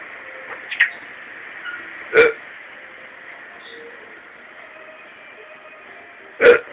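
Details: A Quaker parrot sneezing.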